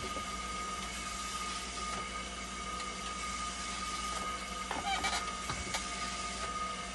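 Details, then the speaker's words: Steady mechanical hum with a constant tone and occasional clicks and knocks from a hemodialysis machine running after a part replacement to fix a flow error, with conductivity stable while waiting for temperature to stabilise. "c c stable na yung conductivity Hintayin natin yung temperature para malaman natin kung may flower c yan"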